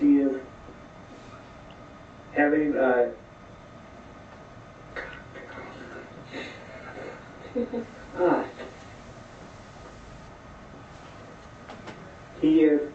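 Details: Adult man at least 10 months after a single left MCA stroke, with mild-moderate apraxia of speech and moderate aphasia severity, pre-treatment picture-description sentence attempt; non-fluent aphasia.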